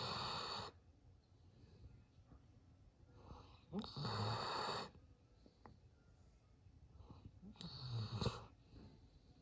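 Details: Charlie, a Golden Lab (dog), snoring: loud, rough, rattling breaths about every four seconds, roughly 15 a minute, with quieter breathing between; snoring.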